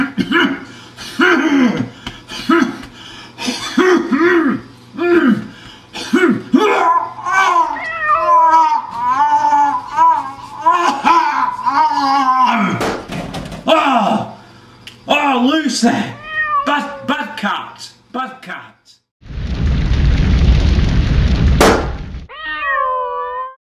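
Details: Cat bringing up a big hairball with repeated voiced heaving and gagging sounds.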